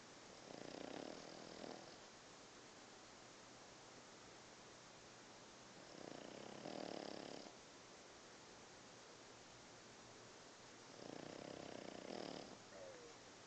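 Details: Sleeping pet snoring: three rough, rumbling snores, each about a second long, roughly every five seconds.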